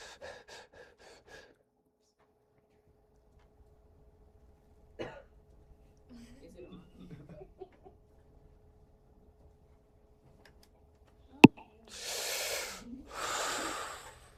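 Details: Bradypnea.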